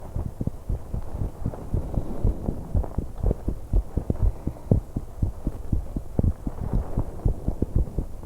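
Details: Heartbeat and breathing of a 21-year-old woman on an exercise bike, recorded to capture breath sounds with much noise: rapid, steady thumping about 120 a minute under heavy breathing; fast heart rate during exercise.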